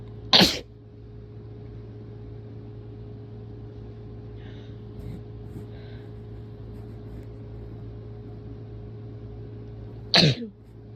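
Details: Two extremely strong, forceful sneezes about ten seconds apart, with a steady low background hum.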